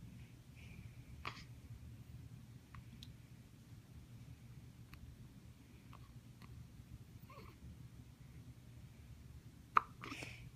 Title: Hiccups Part 2 the Extended Cut